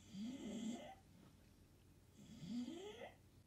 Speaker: my dog snoring so [ __ ] loud i'm sure you're gonna hear it